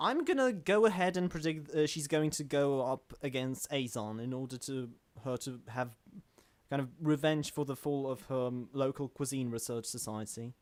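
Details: Adult male self-described stammering host in natural conversational speech, with word and phrase repetitions; stuttering.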